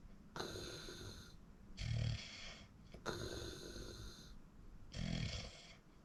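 Loud rattling snores on each breath in, with quieter breaths out, about two breaths in six seconds; snoring during sleep.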